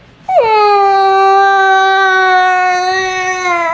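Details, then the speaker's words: Young child's tantrum, called fake crying by the parent: one long, steady, high-pitched wail. "fake quit fake crying all right that's it I'm gonna get that I'm gonna get the pincher out stop crying then he'll be over it"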